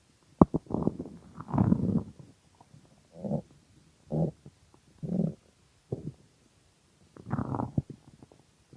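Bursts of gurgling, rumbling stomach noise with short gaps; ordinary hunger growling, harmless.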